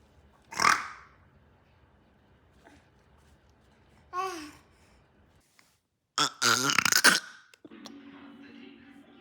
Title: The Burping Baby - Rapid Fire